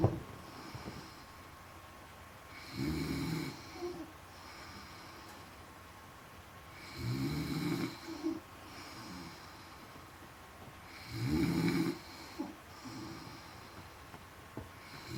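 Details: Wife sleeping: three steady, rumbling snores at about 12–15 breaths a minute, each on the in-breath, in a quiet room; snoring.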